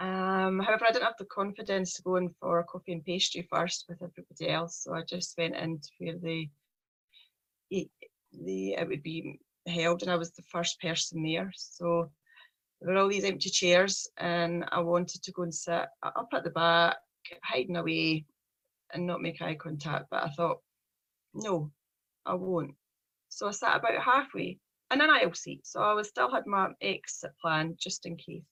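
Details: Stuttering (stammering) in a 43-year-old woman, a speech problem present since age three, with her speech journey beginning in 2018; a person who stammers.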